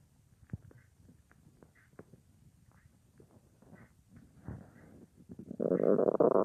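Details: Scattered gurgles and clicks, then a loud rolling rumble: normal stomach bowel sounds at night, lying on the left side, about an hour after soup on a day without a full meal; phone or mic against the belly.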